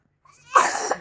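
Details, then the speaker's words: Child coughing, kept home from school because of a cough. "Hari ini nggak sekolah karena batuk."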